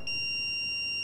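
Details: Simulated CPR and AED demonstration in adult mode: steady high-pitched electronic tone from the defibrillator after shock delivery, followed by voice prompts to begin CPR.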